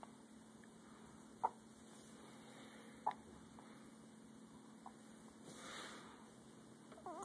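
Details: Infant son's first hiccups: three brief, sharp hiccups about every two seconds, over a steady low room hum.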